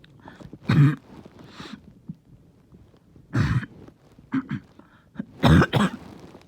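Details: Several harsh, loud, low-pitched barking cough bursts with quiet gaps, some in quick pairs, in a person reporting their chest really hurting.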